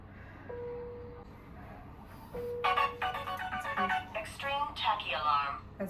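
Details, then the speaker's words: Two sustained heart rate monitor alarm tones, then background talk: an extreme tachycardia alert in a hospitalized woman with a chronic illness relapse who tires while exercising in sets; tachycardia alarm. "When does it alert you when it's at 140 or Yeah."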